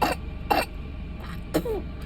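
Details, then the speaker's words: Young child gives three short, wet coughs with rattly phlegm after chest massage (counterclockwise rubbing between the breasts and below the collarbones), then spits up phlegm: productive cough. "我能听见你的痰，呼噜噜的。咳，再咳，咳，"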